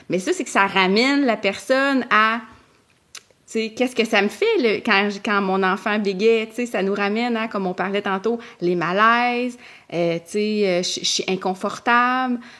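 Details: Adult woman who stutters; stuttering.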